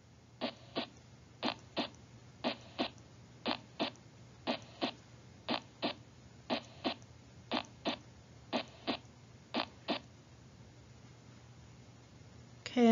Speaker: so we're going to listen to a normal heart sound first so I want you to listen for the love dub the the two heart sounds